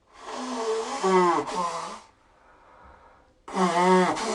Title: Sneeze and loud honking blow